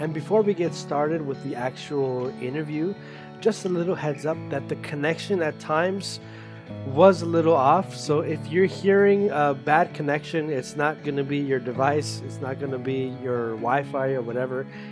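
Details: Adult speaker; normal fluent speech.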